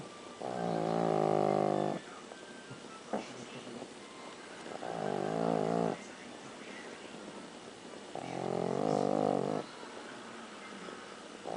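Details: Three loud, droning, buzzy snores on the in-breath with quiet out-breaths, about 16 breaths a minute, from a snoring animal.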